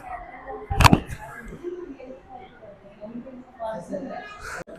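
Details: Chiropractic spinal adjustment for a disc bulge, with the patient told to breathe in and out: a single sharp pop amid faint breathing and murmured voices. Joint cavitation during the spinal manipulation thrust.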